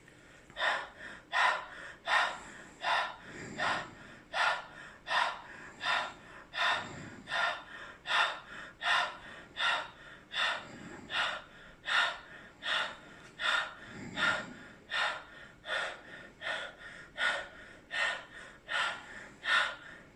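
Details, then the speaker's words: Lung auscultation with a stethoscope, patient asked to breathe deeply through the mouth as if tired: fast, steady, open-mouthed breathing with clear airy puffs in and out; a normal breathing pattern. "ahora le pedimos al paciente que en cada poco respira como cansado"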